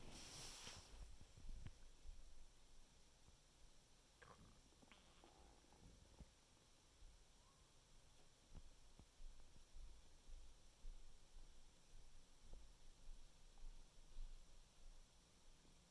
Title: stomach making noises 9/6/2020